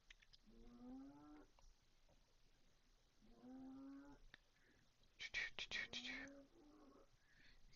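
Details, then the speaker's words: Dog snoring in the background, rhythmic, tonal, whine-like breaths about every three seconds with a brief noisy snort near the end. "Hear the dog in the background just snoring up the storm."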